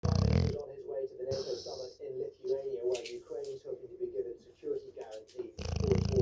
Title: just a xl bully snoring